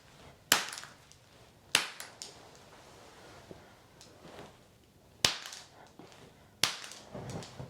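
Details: Returning adult woman getting a chiropractic pelvic adjustment after her right leg felt heavier and sat lower than the left: four sharp cracking pops, each followed by brief rustling, from audible joint cavitation.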